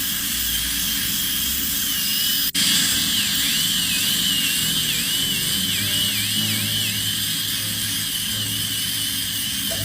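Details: High-pitched whine of a dental drill that dips and rises in pitch as it cuts during a composite restoration (tooth filling), over a steady background hum.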